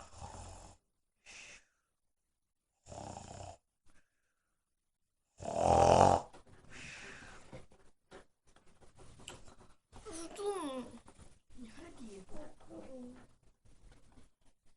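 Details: A girl snoring: several rough, rattling snore bursts separated by silences, then murmuring and laughter in the room; the snoring sounds exaggerated.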